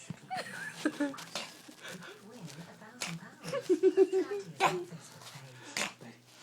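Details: Dog Bailey gives several short, sharp, snorting sneezes in a small room, with some voice-like sounds in the background; repeated sneezing.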